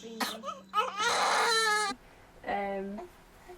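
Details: Newborn baby girl in the first moments after birth gives short, high-pitched cries: a normal newborn cry.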